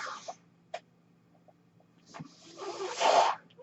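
A steady low electrical hum with soft clicks, then a rising breathy whoosh of air ending abruptly: a mechanical ventilator cycling.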